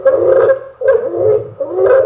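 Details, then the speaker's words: Stridor played as a teaching example: three harsh, high-pitched, strained crowing breaths from a nearly blocked airway, e.g. obstructing cancer, severe allergic swelling or lodged food; called life-threatening. "Stridor. Ang stridor, ibig sabihin, halos hindi na makadaan yung hangin sa daanan. Ibig sabihin, may cancer na kabara, may super allergy na maga, o may pagkain na kabara."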